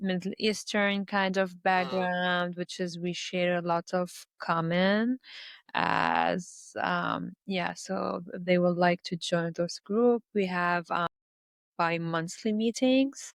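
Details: Adult Lebanese woman who stutters and speaks three languages; stuttering.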